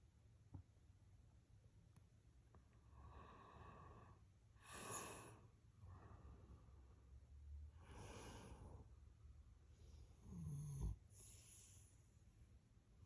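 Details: Dog snoring loudly: a few loud, rough snorting breaths with quiet gaps between.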